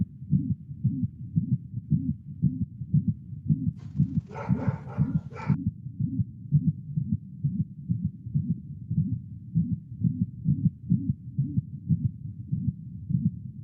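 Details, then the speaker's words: Veterinary example of a regular heartbeat at about 120 per minute with a whooshing ejection murmur in each beat, suggestive of pulmonic or aortic stenosis and pointing to likely heart disease. "soplos que son sugerentes a estenosis que en sean entes pulmonar estenosis aórtica y entonces la presencia del soplo nos va a poder ubicar en que es muy posible que este paciente verdaderamente sea un cardiópata"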